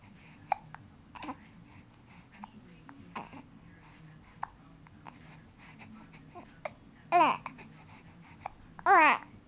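Brief, sharp catches in the breath among soft baby babbling, followed by two louder squeals. These are hiccups.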